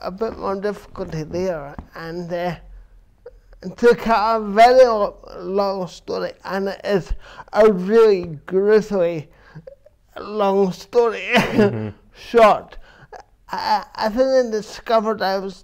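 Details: Adult man with dysarthria from cerebral palsy present since birth, which he says affects his verbal communication, balance and coordination; real speech; finding: dysarthria.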